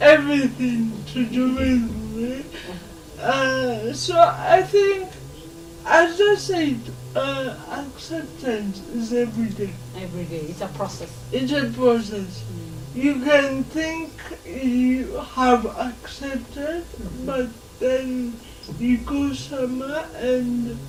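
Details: 26-year-old woman with lifelong cerebral palsy who began talking much later than other children; real, not acted; dysarthric speech due to cerebral palsy.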